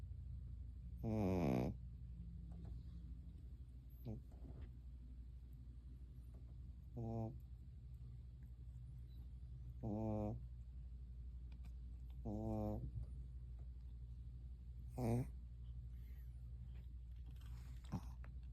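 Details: Sleeping dog snoring like a human: five or six low, buzzing snores about every two to three seconds, with a steady background hum.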